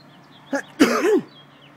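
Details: A person's single sneeze, a short inward catch then one explosive burst trailing into a voiced tail, with a pet cat meowing in the background as if blessing it; sneezing.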